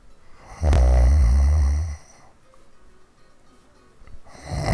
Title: Snoring hard